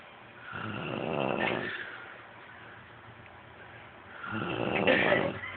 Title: Snoring momma!